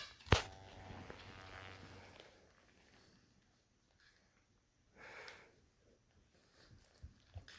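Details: Adult coughs in a small quiet room while a small dog is startled and checks on them: one sharp, explosive cough, then a softer burst and faint rustling; cough.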